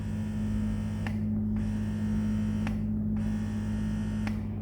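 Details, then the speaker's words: Crown mains-powered electric breast pump, loudest of three models compared, volume adjustable: steady low motor hum with faint clicks roughly every 1.6 seconds. "Hai tipe yang paling keras nah itu keras tapi bisa dikecilin ya suaranya"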